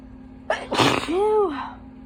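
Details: Wet, explosive sneeze after a quick inward gasp, then a short voiced sound; person who held back sneezes all day and induced them, tissue left soaked; sneezing.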